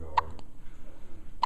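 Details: Hiccups: two abrupt, sharp catches of breath about a second apart with a faint click between them, over quiet room noise; hiccups.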